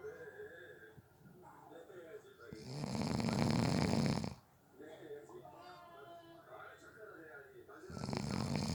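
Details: Snoring during a nap, from someone said to have fallen asleep within 30 seconds: loud, rough snoring on breaths in, separated by quieter breathing, with faint background sound.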